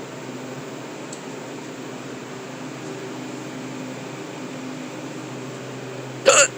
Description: Was stocking stuff in the cooler at work when I couldn't stop the hiccups